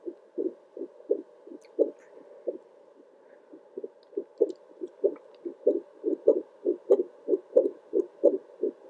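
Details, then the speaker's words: Doppler heart monitor on an adult's own heartbeat, recorded at 1:13 a.m. while relaxing; steady whooshing pulses about 95 a minute (display earlier read 78), louder with deep breaths; normal heartbeat. "every time i take a big deep breath my heartbeat sounds so much louder i am currently filming this at 1 13 in the morning a.m so these sounds are just rocking me to sleep"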